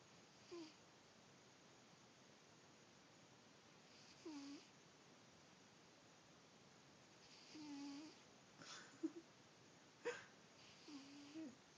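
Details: Pet cat snoring while asleep: short, whistling snores at irregular intervals in a quiet room.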